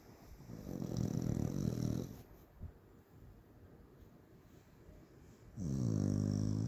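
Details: Fluffy corgi dog snoring in sleep: two long, low rattling snores separated by a quiet pause, likened to Fred Flintstone.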